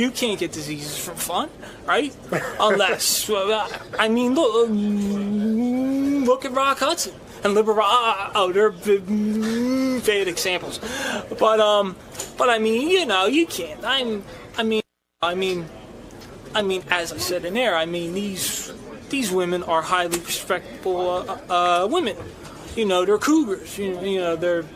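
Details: Adult man with a stutter, a regular radio show guest with his own show; stuttering.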